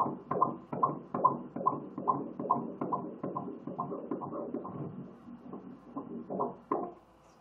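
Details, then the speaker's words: Ultrasound at about 3 months of pregnancy with a baby girl: rapid, regular whooshing fetal heartbeat at about 143 per minute, described as nice and strong; the baby was later born at 28 weeks. "so thank you oh I see it beaten wow"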